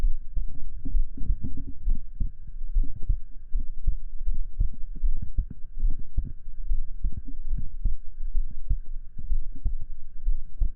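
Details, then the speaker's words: Heartbeat heard through a stethoscope in a simulated ASMR roleplay: steady, regular low thumps with a faint hum behind; normal heartbeat. "And not listening to the sound of your heartbeat or someone else's can calm you. So, how about you listen to mine?"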